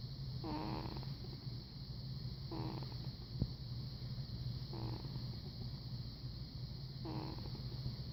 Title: Max cam, tiny tiny snores